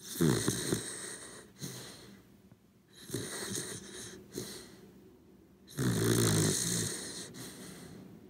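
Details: Sleeping corgi dog snoring: rhythmic rattling snores with quieter snorting breaths between; ordinary sleep snoring.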